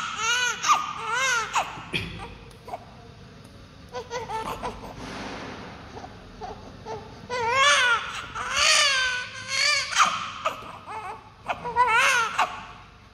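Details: Newborn baby crying: repeated rising and falling cries with short breaths between bursts; ordinary newborn crying and fussing.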